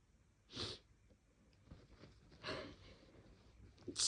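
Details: Two loud, sharp sneezes a couple of seconds apart, with a third starting at the end; sneezes deliberately induced after a day of more sneezing than usual with no apparent cause.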